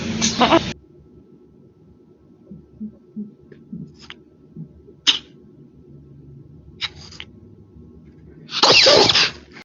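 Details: Two loud, explosive pet sneezes at the start and end, with short sharp bursts between, from a compilation of cat and dog sneezes; sneezing.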